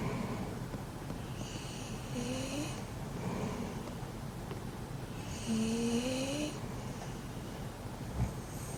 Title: いびきがやばすぎるピットブル Pitbull with too much snoring #shorts